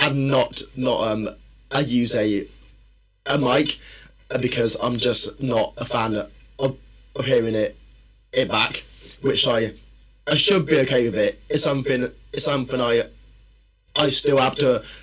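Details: Man who has stammered since childhood, which he says worsens when tired, stressed or nervous; stuttering.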